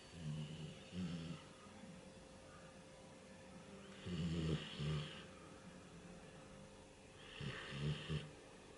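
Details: Bernese puppy snoring while asleep: three low, rattling snores at regular breath intervals with soft room hum between.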